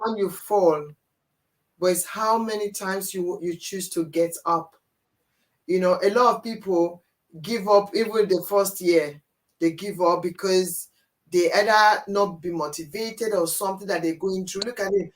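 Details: Adult speaker; normal speech.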